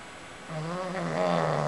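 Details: Pug dog snoring while napping: a low, buzzing, vibrating sound from the nose and throat of a small flat-faced dog. Snoring.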